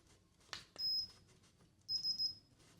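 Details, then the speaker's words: Simulated ASMR ear exam: a soft click, then short high electronic beeps as a temperature gun on the forehead takes a reading; thermometer beep. "So I'm just going to put this temperature gun on your forehead."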